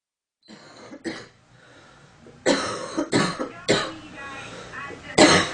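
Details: Series of about six short, dry coughs from a woman, some with a brief throat-clearing quality; a female cough sound effect.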